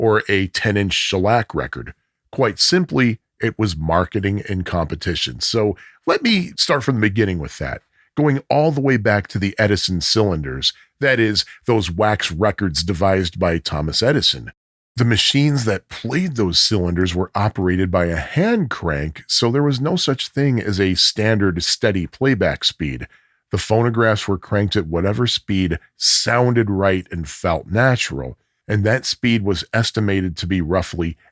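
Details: Adult male narrator; normal speech.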